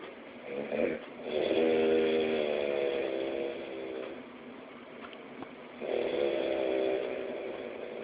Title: Snoring boyfriend